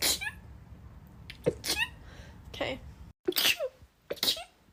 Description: Short compilation of rapid sneezes